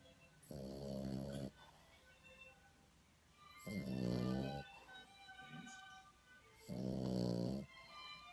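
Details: Five-month-old French bulldog puppy snoring in sleep: rumbling, pitched snores about 20 a minute with quiet breathing between.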